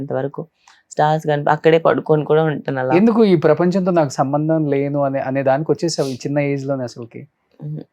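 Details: Adult speaker (interviewer); normal voice.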